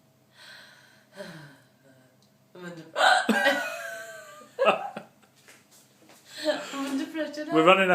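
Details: Hiccups in a woman after a few drinks, ordering a takeaway: speech and laughter broken by abrupt, sharp voiced hiccup catches as she tries to compose herself.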